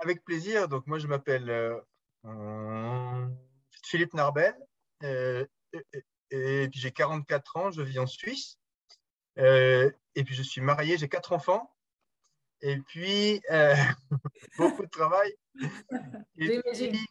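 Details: Adult man who stutters; stuttering now much improved compared with before, still stutters occasionally in French and more in English; stuttering.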